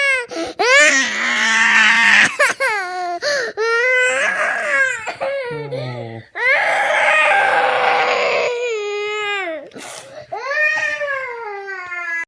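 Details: Young child crying while a caregiver asks what's the matter and offers juice, with background music: loud, high-pitched wailing with rising and falling pitch, broken by gasping breaths; distressed crying.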